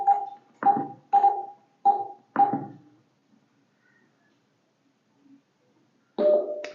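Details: Five short electronic tones, a pause, then another tone from a Uniwer UMS 12T Pro touchscreen multipara patient monitor (ECG, SpO2, NIBP, temperature, respiration) being switched into demo mode; patient monitor tones.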